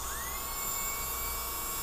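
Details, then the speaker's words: Steady high-pitched motor whine rising to speed and holding, also run in reverse; NSK dental lab handpiece running smoothly after its carbon brush was replaced with a hand-carved graphite piece; dental handpiece running. "yeah it sounds pretty good on reverse sounds pretty good"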